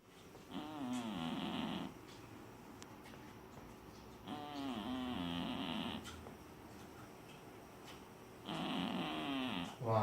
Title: Cat snoring loud